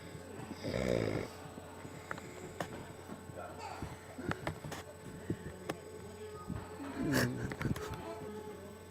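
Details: Someone asleep on a couch: two brief rattling snores about six seconds apart, with faint music and room noise behind.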